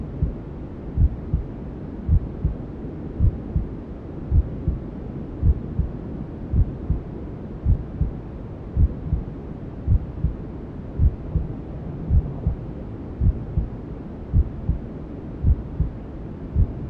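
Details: Sleep sound for newborns: slow, steady low thumps, about 54 a minute, under a constant hiss of white noise, imitating a mother's heartbeat as heard from the womb.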